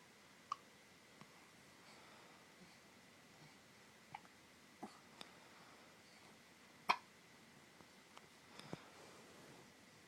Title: 4 month old baby has hiccups